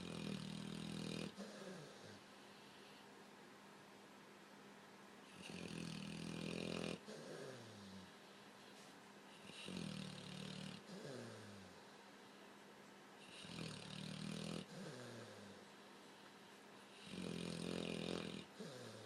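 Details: Loud, rough snoring with each breath rattling in, long breaths roughly every four seconds; snoring in a sleeping overweight blue-nose Pitbull with facial movements.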